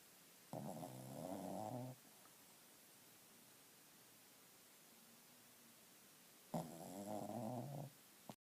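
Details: Two soft, buzzing snores about six seconds apart, with near silence between, from a sleeping shih tzu; small dog snoring.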